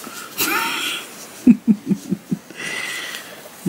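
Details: A sick adult in the background of a quiet room gives a short run of about five muffled coughs; cough.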